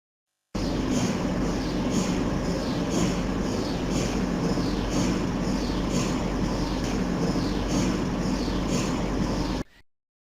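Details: Loud, continuous rumbling with rhythmic knocking about three times a second, gradient coil noise recorded from inside an MRI scanner during scanning.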